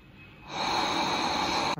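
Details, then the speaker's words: ResMed CPAP machine running on battery backup without hose or mask attached, so louder: soft hiss rising to steady loud rushing airflow, then abrupt cut-off. "যেহেতু এখন hose pipe লাগা নাই mask লাগা নাই তাই মেশিনটা sound বেশি করতেছে"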